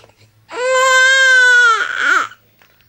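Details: Infant cry: one sustained, steady-pitched baby wail that breaks into a wavering sob at the end.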